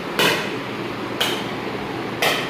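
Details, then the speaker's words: Live ESWL lithotripsy for a roughly 13 mm left kidney stone, around 215 shocks in: sharp loud cracks about once a second over steady machine hum; lithotripter shock waves. "इससे मैं shocks को control करता हूं। जिस तरह ये अभी 215 shocks चल चुके हैं।"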